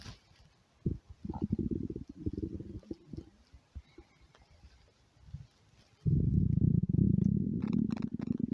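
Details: Stomach growling from hunger: low gurgling rumbles in short bursts, then a long steady growl.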